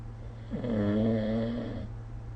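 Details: Sleep snoring recorded with the SnoreLab smartphone app: a single drawn-out, buzzing snore on an in-breath over steady low room hum.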